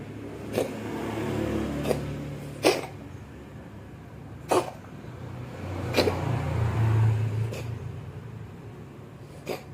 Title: KUCING BATUK SEPERTI MAU MUNTAH